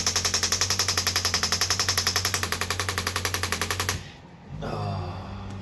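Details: Radial shockwave therapy on an arm wrestler's triceps; rapid, regular mechanical tapping at about 220 pulses a minute for four seconds, then stopping, during a session of deep-feeling tapping treatment.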